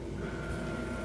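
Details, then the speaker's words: Respironics UltraFill home oxygen tank filling system: after the power button is pressed, the compressor kicks in with a steady mechanical droning hum as it starts filling the tank. "the sound changes you can hear the the compressors kick in and start to fill the tank and you'll also notice that that light is flashing now"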